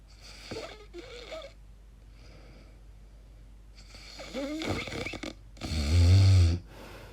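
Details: Person's sleep sounds with very strange noises, sleep apnea questioned: irregular breathing with snorts and a loud low rattling snore near the end; unusual noisy snoring.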